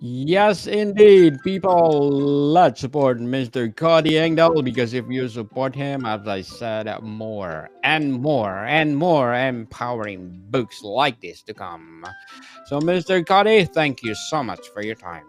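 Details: Adult male speaker; normal speech.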